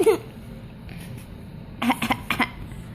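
A young child gives a quick run of about four short, dry coughs on request, an imitated cough, in a quiet room.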